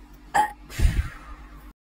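A brief sharp catch followed by a low, rumbling release of air from the throat: a single burp.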